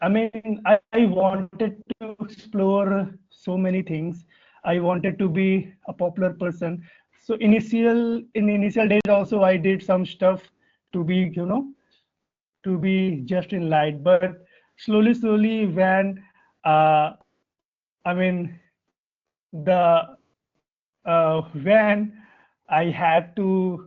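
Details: Adult Indian man whose stuttering began around class one or two and still affects his speech in meetings; real, developmental onset; stuttering.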